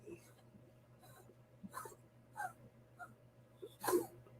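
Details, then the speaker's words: Long-haired calico cat gives a run of short, dry, hacking, retching coughs; owner suspects a hairball; cat coughing (hairball). "Well, that's the thing about calicos. They got that long hair. Sometimes they get a hairball."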